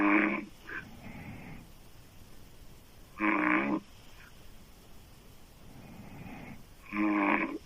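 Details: Loud, harsh open-mouth snoring from a female sleeper every few seconds, with softer breathing noise between snores.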